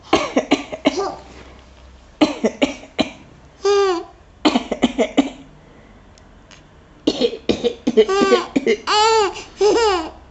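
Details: An adult gives short deliberate voluntary coughs, each answered by the bright giggling laughter of a baby girl thought to be around 6 months old; playful coughing to amuse an infant.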